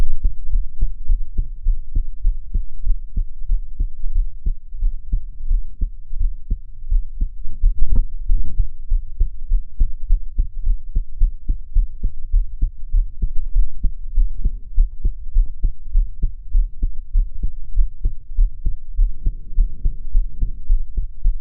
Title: My heart sound I'm crying